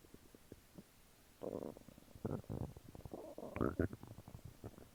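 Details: Active bowel sounds after eating chicken nuggets and fries: irregular gurgling and bubbling rumbles with short clicks between them.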